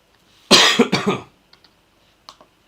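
A short fit of about three harsh, noisy coughs in quick succession, followed by faint clicks; a lingering cough after an illness.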